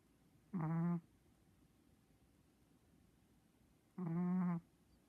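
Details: Two short, nasal, tonal snores about three seconds apart from a sleeping Chihuahua in a quiet room.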